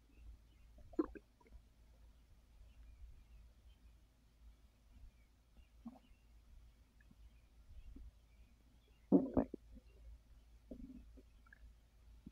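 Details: Scattered gurgles and rumbles with a few louder bursts from the belly of a person resting on a full stomach after overeating, following a gummy that increased appetite; active digestive bowel sounds (borborygmi).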